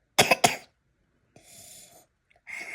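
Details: Cough from a person with a cold and cough, resting and taking hot water steam.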